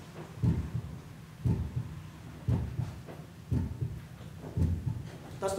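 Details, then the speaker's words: Recorded teaching example of a normal heartbeat: sharper first sound from mitral and tricuspid valve closure, then a second sound from aortic and then pulmonary closure. "you will now hear a recording of the normal heartbeat is caused by mitral and tricuspid valve closure and is sharper in quality than the second sound which represents aortic and then pulmonary closure"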